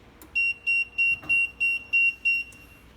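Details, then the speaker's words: Seven rapid, evenly spaced high-pitched beeps from an infant incubator (not transport type) when the sensor is improperly attached; sensor failure alarm. "Ini sensor F ini terjadi Alarm jika tidak terpasang dengan baik seperti seperti ini contohnya Ini g-sensor Failure"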